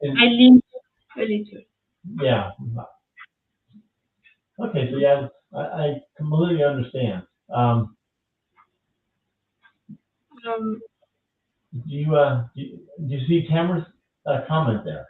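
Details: French woman with aphasia after an ischemic stroke at age 22 in July 2011; mute for 10 days, then a year of rehabilitation, still recovering speech; speaking English, a second language; post-stroke aphasia.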